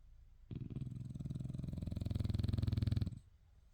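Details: Sleeping French bulldog with IVDD snoring at naptime: one long, rough, fluttering snore under three seconds, growing louder toward the end, typical of a short-nosed dog.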